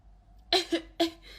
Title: Sneezing girls Covid-19 funny nasal swab test sneezing - කොරෝන පරීක්ෂණය කරන ටික්ටෝක් වීඩියෝ